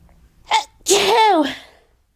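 A quick catching inhale, then one explosive voiced burst trailing off: a single sneeze.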